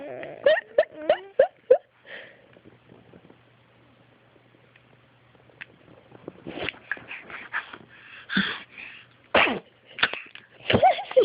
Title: sneezing!